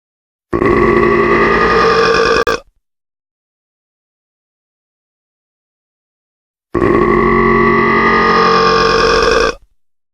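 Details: Burp sound effect made by layering many burps into a chorus: two long, loud, rumbling belches of about two seconds each, separated by silence.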